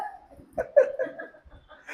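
Brief abrupt voiced catches and short exclamation-like sounds in a quiet room, resembling hiccups or startled vocal bursts.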